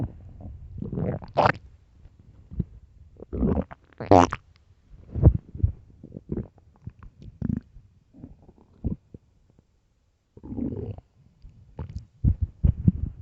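Loud, deep gurgling and rumbling bursts with quiet gaps between them: stomach growling on an empty stomach, a normal finding.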